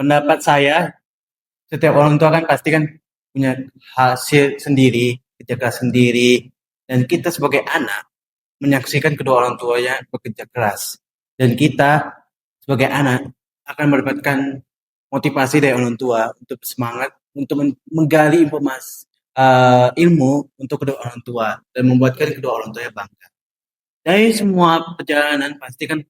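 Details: Deaf boy who uses a cochlear implant, speaking Indonesian as a podcast host; speech of a deaf child with a cochlear implant.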